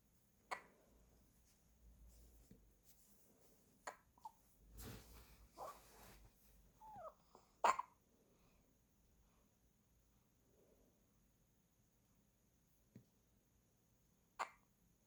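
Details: Newborn hiccups while the baby is held against a parent's warm body, wearing a hat and socks in a 25.5°C room; parent thinks a slight chill triggers them. Soft, sharp hiccups at irregular intervals, with rustling, until they stop.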